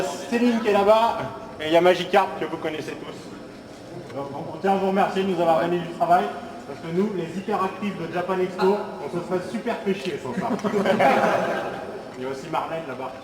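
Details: Adult man speaking French; normal speech.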